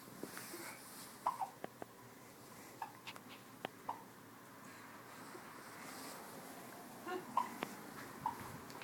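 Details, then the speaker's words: Twins with hiccups at the same time: brief abrupt catching sounds repeating at irregular intervals over steady room noise. "you can just lay your hand down wait the battle I'm taking a video dueling hiccups"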